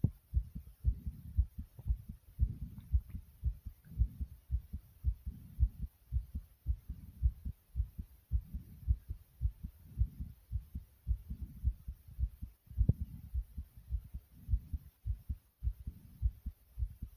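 Fast, steady low thumping heartbeat at about 110 beats a minute, with heavy breathing underneath.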